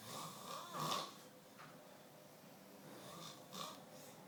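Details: Snoring in a man, in Prague: loud, rasping snores with snorting inhalations, two breath cycles in a quiet room.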